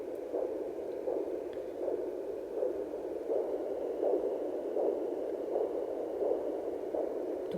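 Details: Soft, rhythmic whooshing pulses over steady hiss, about 80 a minute in this short stretch, picked up by a home Doppler heartbeat listener; fetal heartbeat.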